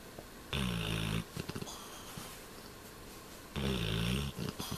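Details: Black Labrador snoring in sleep: two long, low rumbling snores about three seconds apart, each followed by soft snuffling on the out-breath.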